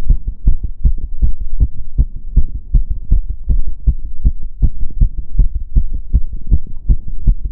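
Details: Own heartbeat recorded during step-up exercise: rapid, steady, low thumps at roughly 150–160 per minute, a fast heart rate from exertion; exercise tachycardia.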